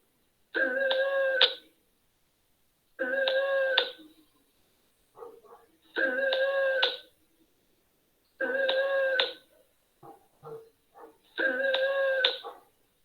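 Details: Loud, high-pitched musical crowing on each breath in, about 22 per minute: stridor from upper-airway narrowing, played as a teaching example in a nursing-assistant class on breath sounds.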